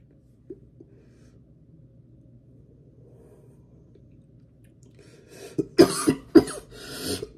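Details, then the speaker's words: Quiet, then about four harsh, forceful coughs with throat-clearing rasp from an adult man after inhaling vapour from a cannabis extract vape cartridge on a 510 battery; cough after inhaling vapour. "oh that is beautiful it does make you cough the Strawberry Cough side the cough is there boys and girls the cough is there"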